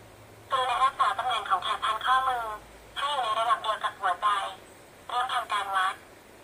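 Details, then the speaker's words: Talking digital blood pressure monitor (Sekure B-10) with voice readout: a recorded female voice speaks short phrases announcing the measured upper and lower pressure and heart rate after the cuff is fitted and the button pressed. "ที่สำคัญคือระบบประมวลผลด้วยเสียงเพียงแค่ใส่ปลอกแขนกดปุ่มเปิดเครื่องก็สามารถนั่งฟังเสียงของเครื่องประมวลผลได้โดยไม่ต้องนั่งอ่านเอง"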